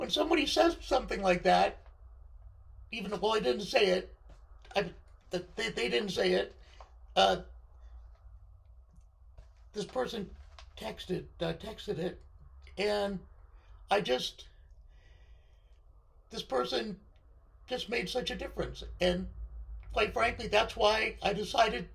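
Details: Unilateral left-sided vocal fold paralysis following surgery in a male speaker, limiting his control of his voice.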